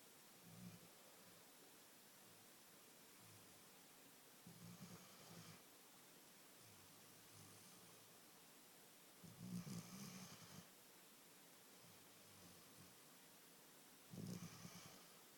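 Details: Snoring while snuggling: soft, quiet snoring breaths recurring every few seconds over a hissy background; gentle snoring.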